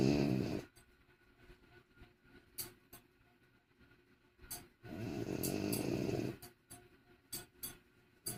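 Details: Loud, rough snorting breaths with rattling in-breaths and quieter snuffles between; heavy snoring from a sleeping French bulldog, a flat-faced breed.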